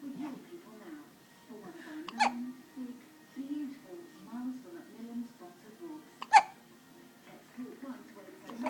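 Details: Two sharp, abrupt hiccup catches amid ongoing babbling and voice sounds; hiccups.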